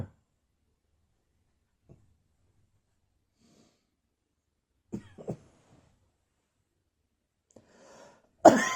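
A few scattered coughs in a quiet room: a soft pair, then one sharp, louder cough.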